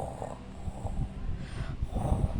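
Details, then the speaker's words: A husband, tired from work, asleep while his wife speaks; low rumbling, snorting snoring breaths. "Ayan, humihilik na yung isa ko guys. Kita yung ano, hilik. Pagod yan guys sa ano, trabaho."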